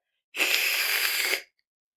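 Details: Demonstration of a lateral lisp, with air not flowing through the middle of the tongue or the tongue sticking to one side on /s/; lateral lisp (distorted /s/).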